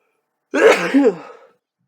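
A single sudden, forceful sneeze burst, rising and then trailing off, in a quiet room.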